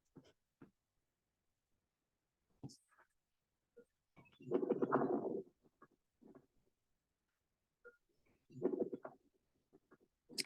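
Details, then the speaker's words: Patient simulator (SimMan) chest auscultated by stethoscope: scattered brief pops and crackly bursts, which are crackles, taught in contrast to other added breath sounds. "this sound is crackles so let's get to the point what is the difference between crack and citation"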